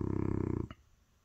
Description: Cute French bulldog Brothers snoring